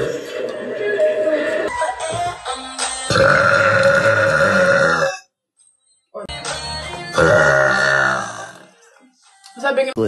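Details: Two long, loud, drawn-out voiced burps separated by a brief silence, with background music; burping by a girl during a live stream.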